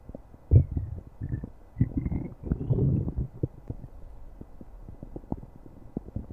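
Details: Stomach growling: low, irregular gurgling and rumbling bursts with brief squeaky tones, fading to faint crackles; ordinary borborygmi.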